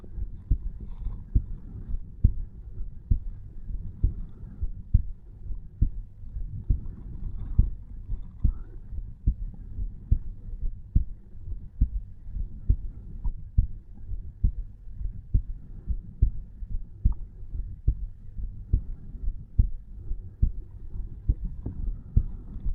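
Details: A 34-year-old male at rest, lying in bed at night, records his own heart over the tricuspid area: steady, regular low thumps at about 69 beats a minute, normal heart sounds.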